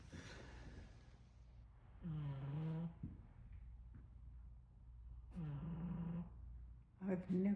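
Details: Drawn-out groaning snores with buzzy breaths about three seconds apart in a sleeping 15-year-old female Shih Tzu; snoring.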